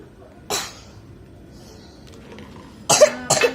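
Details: Three sharp, harsh coughs, one alone then a close pair, in a quiet room; forceful dry-sounding cough during the rainy season, just before taking children's cough medicine.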